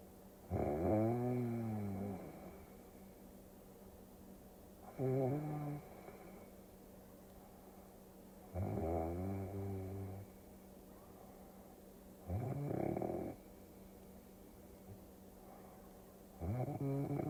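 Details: Snoring sounds for sleep-induction ASMR over a Tokyo cruising scene: loud, tonal snores with a humming, rising pitch, about 15 a minute, over a steady background hum.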